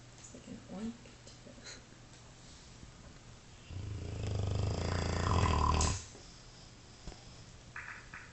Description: Dogue de Bordeaux snores unlike any animal ever.